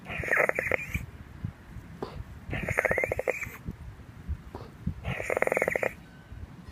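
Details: Walking outside toward the beach in strong wind, then lying down: repeated harsh, noisy effortful breaths in bursts for about 10 minutes, unable to take a full breath; laboured breathing, afterwards could not walk unaided.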